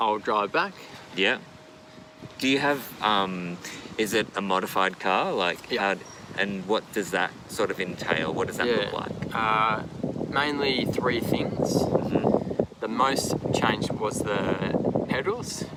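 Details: Two adults in conversation; conversational speech.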